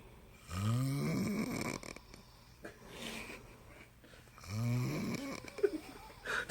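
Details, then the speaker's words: Two people snoring alternately in a "snoring chorus," one starting and the other following; loud, low, rattling snores on inhalation about four seconds apart, with quiet breathing between; ordinary snoring. "에 먼저 코를 골면이어서 가 코를 굽니다"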